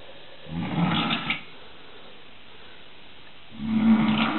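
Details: Sleeper found on the stairs at 4 a.m., two loud, rough, low rattling breaths about three seconds apart with quiet between; snoring.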